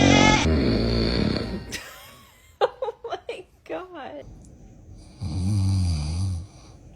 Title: when dad's snoring bothers baby🤣baby newborn cute snoring lol